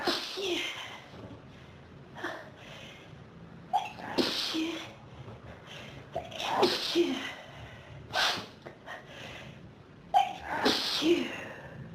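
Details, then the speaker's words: Adult with pollen and dust allergy since about age 14, in a dusty room: five forceful sneezes in twelve seconds, each after a gasping in-breath, with a burning nose; an ongoing allergic sneezing fit. "My nose is on fire. I just can't sneeze all the dust out of it. I keep needing more and more sneezes."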